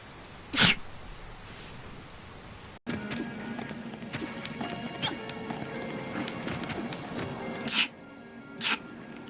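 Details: Three sharp sneeze bursts with a music passage between them, from a female Japanese voice actor; ordinary sneezing.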